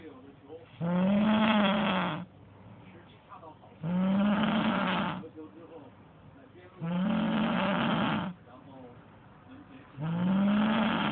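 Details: Very loud snoring (third recording), with a Chinese-language sports broadcast on television in the background: rumbling snores on each breath in, about 20 a minute, with quiet breaths out between.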